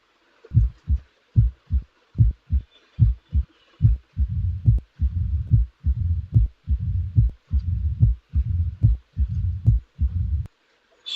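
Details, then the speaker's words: Mitral stenosis teaching example: loud first sound at about 72 a minute, then a low mid-diastolic rumble introduced after the first few cycles, with late diastolic accentuation. "A mid-diastolic rumble with a late diastolic accentuation. This is the murmur of the mitral stenosis."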